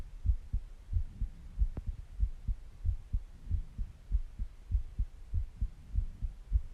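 Steady, low paired thumps of a heartbeat, roughly 100 beats a minute, with a faint hum underneath.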